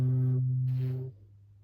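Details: Simulated hearing test in an ASMR medical roleplay for bilateral hearing loss with suspected cerumen impaction: a steady low pure tone lasting about one second then stopping, a hearing-test beep.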